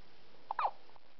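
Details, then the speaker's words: Squeaky hiccups at midnight before bedtime: a few soft, squeaky, abrupt catches in a quiet room. "It's midnight. Somebody has the hiccups."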